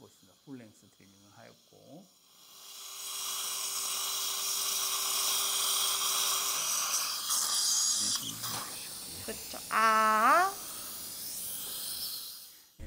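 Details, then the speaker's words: Guided dental implant surgery on a 74-year-old man at lower left sites #36 and #37: initial drilling at #37 with a 3.5 x 7 mm OneGuide drill through an open sleeve, heard as a high, steady hiss of the surgical drill with water irrigation. "Use the closed part on the lingual side,3.5 by 7 millimeter one guided drill is used for drilling."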